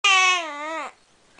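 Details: Infant: a single short, high-pitched wail under a second long, then quiet; ordinary baby cry.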